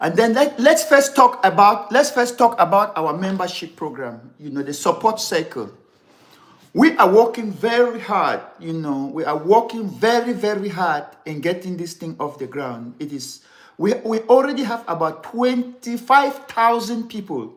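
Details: Adult man who has stammered severely since childhood, over more than sixty years, and still has difficulty pulling out words; later diagnosed with ADD, which he blames for word substitutions; unedited live recording; stammering.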